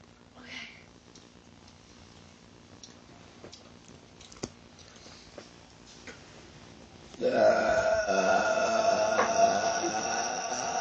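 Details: Brother and sister burp contest: one long, loud, rumbling burp with a steady voiced tone after a quiet stretch.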